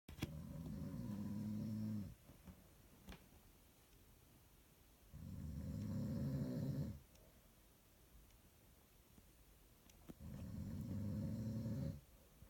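Three long, rumbling snores about two seconds each, spaced roughly every five seconds in a quiet room: steady snoring during sleep.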